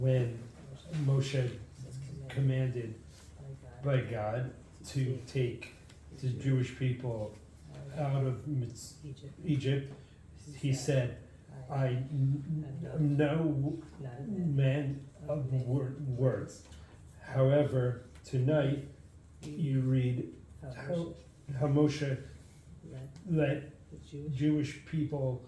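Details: Man with aphasia after brain injury reading a text aloud alongside another speaker, effortful, with word-finding errors and distortions; aphasia.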